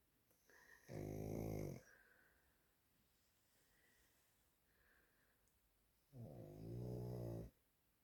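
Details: Sleeping pet (dog or cat) snoring: two long, low, rattling snores about five seconds apart with quiet breathing between; snoring.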